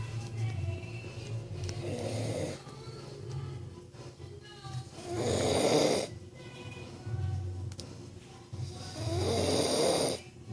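Slow rhythmic snoring, about 15 breaths a minute, with harsh noisy inhalations and a steady low hum in the background.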